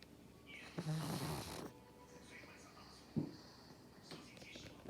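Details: Pug dog: soft, snorting, rattly breaths with short snuffles in a quiet room; snoring.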